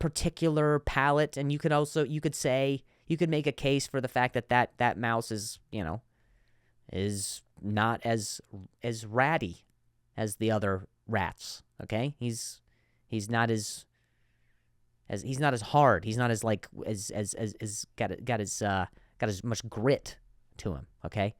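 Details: Stuttering in an adult male; he reports difficulty saying certain words on some days.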